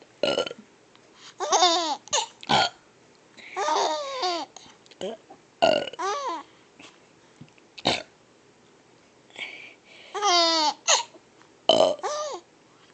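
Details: Young child laughing repeatedly at burps, with short burp-like sounds between bursts of laughter.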